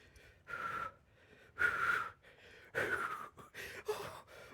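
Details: Harsh, noisy, gasping breaths with a whistling edge, about one a second, from an adult with hiccups during a hot chip challenge; wheezy breathing.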